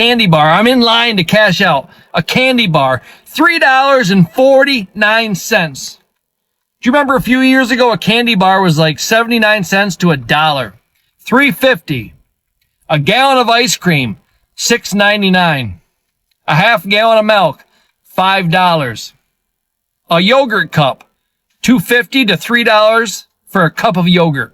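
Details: Adult speaker; normal speech.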